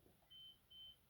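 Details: Infusion pump run key pressed to start the infusion; two short high-pitched beeps: infusion pump keypress beep.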